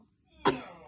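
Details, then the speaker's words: Young child with a cough but not otherwise unwell: a single short, sharp cough with an abrupt burst and brief fading tail in a quiet room. "want some medicine yeah but you're not poorly you don't need it you got a cough yeah"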